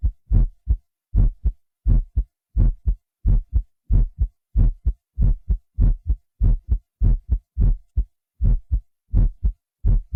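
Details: A man's own heartbeat, recorded by a physician and digitally processed on a Synclavier system: strong, regular paired low thumps at about 90 beats per minute, enhanced and deep-sounding, used in the Smooth Criminal intro.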